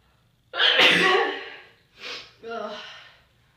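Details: Person with a cold, ticklish: one loud, explosive sneeze followed by two smaller sneezy breaths, with room echo and ticking cloth; ordinary sneezing.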